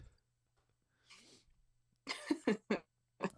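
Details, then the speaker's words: Adult woman, who says her allergies are bad, gives a soft breath and then a run of several short, sharp coughs indoors; an ordinary cough. "Oh, damn. Sorry, my allergies are kicking my butt."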